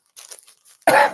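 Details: Faint breathy sounds, then a single loud, harsh cough burst, from an adult who is still sick and coughing during a live show.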